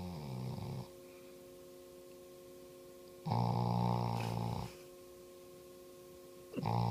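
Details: Sleeping subject fast asleep, low rumbling snores with each breath about every three seconds over a steady humming room tone; snoring.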